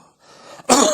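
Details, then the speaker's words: Doctor imitating a cough from an irritant in the pharynx or larynx, as in laryngitis, pharyngitis or tracheitis: a deep rising breath in, then one single loud, booming cough; upper airway cough. "if the irritant focuses in the pharynx or in the larynx which is the upper portion of the respiratory tract the cough is very classical the patient takes a deep breath and gives one single big boom of cough"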